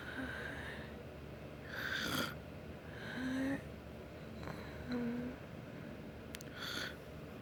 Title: are snoring